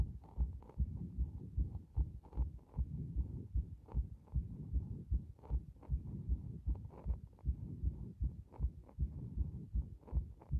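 Fast heartbeat, roughly 150 a minute, with uneven spacing between beats; an irregular rhythm with frequent extra or skipped beats.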